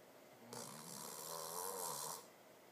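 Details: A single drawn-out, rattling, hissy breath lasting nearly two seconds with a low fluttering buzz underneath, in a quiet room: snoring.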